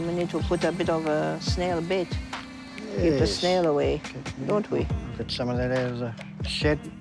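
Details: Woman with foreign accent syndrome after a stroke, sounding Italian; recovery was slow, and it was a couple of months before she could speak.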